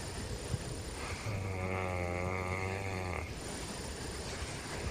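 A single long, low, rattling snore lasting about two seconds, rising out of steady room noise.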